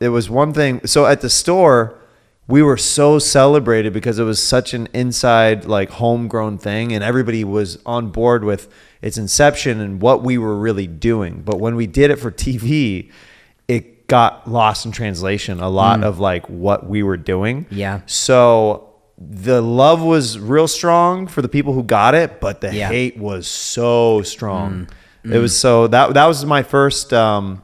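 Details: Adult man, conversational speech; Ordinary speech.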